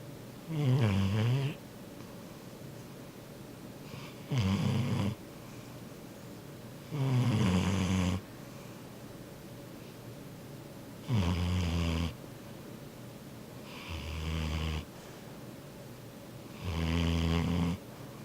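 Loud, rattling snores in a sleeping dog, about six in 18 seconds, roughly 20 a minute: snoring.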